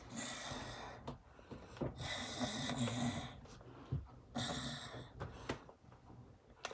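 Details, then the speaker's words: Simulated cartoon snoring sound effect from a children's show: long rasping inhaled snores with whistly exhales between them, a staged imitation of snoring. "huh what's that sound oh yeah it is the sound of snoring oh"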